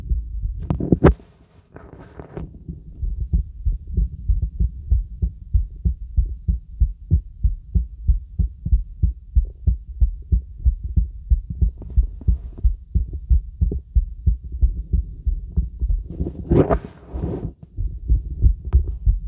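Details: Heartbeat heard over a girl's heart through a real stethoscope (diaphragm or bell): normal heart sounds.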